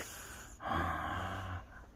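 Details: Snoring attributed to a mother, possibly a child imitating how she snores on request: a single loud, low, rattling snorting in-breath, then quiet.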